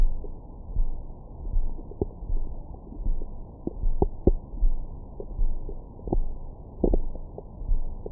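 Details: Stomach growling recorded over the belly with a Stemoscope stethoscope microphone after a large meal: low rumbling and gurgling with brief squeaky clicks; ordinary bowel sounds.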